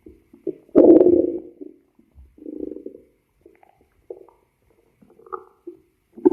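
Irregular gurgles and squeaky bubbling rumbles from the belly, ordinary stomach growling of gas and fluid moving through the gut.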